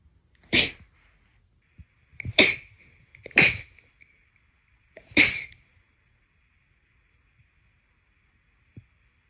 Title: sneeze 21-30